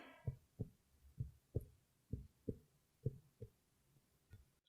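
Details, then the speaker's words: Normal diaphragmatic excursion on chest percussion: hollow percussion taps during a held deep breath, the resonance now extending below the previous level (diaphragmatic recess), showing good diaphragmatic motion. "you hear the difference he moved down now to below that that recess so his lungs were able to come down so that tells us that he has good diaphragmatic motion"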